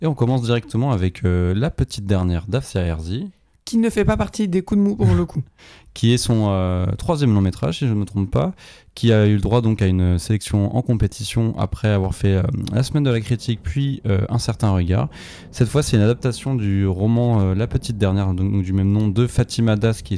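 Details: Adult male speaker; Normal speech.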